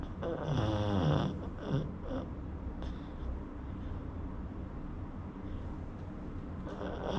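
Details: Sleeping pug: rattling, rumbling snores with snorting breaths, noisy breathing through a narrowed airway; snoring.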